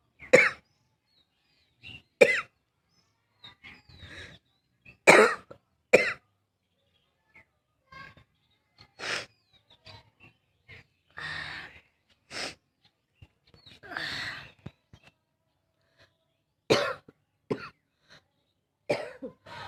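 An adult woman gives repeated harsh, abrupt, barking coughs separated by quiet breaths and throat sounds.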